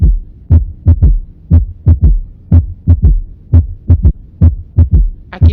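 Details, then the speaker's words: Third heart sound (S3): slow, steady heartbeat near 60 a minute; clean, louder S1; each softer S2 is followed closely by a soft, low extra thud from rapid ventricular filling, linked to volume overload or hypertrophy. "que estás escuchando es un ruido uno limpio mientras que el ruido 2 se escucha doble se escucha el ruido 2 e inmediatamente un ruido extra que sería el tercer ruido"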